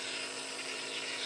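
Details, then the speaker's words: 50-year-old with childhood asthma, double pneumonia and MRSA, using a nebulizer every 4 hours: loud, steady mechanical buzz and hiss of the running nebulizer compressor, with no break. "You know, they say childhood asthma. This is childhood asthma. I'm 50 years old, and now I'm on a nebulizer."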